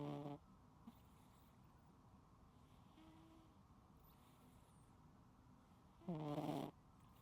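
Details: A sleeping cat snoring loudly: two loud, buzzy, rattling breaths several seconds apart over steady room hum; unedited recording.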